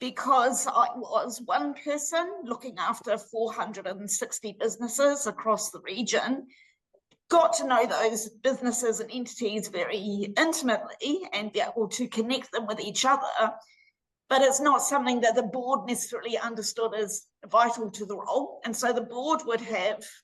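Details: Adult woman with voice dystonia treated with six-monthly Botox injections to the vocal cords; spasmodic dysphonia (laryngeal dystonia).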